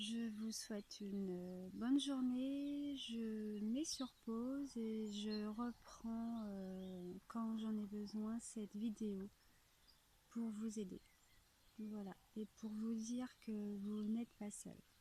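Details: Adult French-speaking woman whose stutter kept her from really living her life until two or three years ago; she now applies a fluency technique with a speech therapist; stuttering.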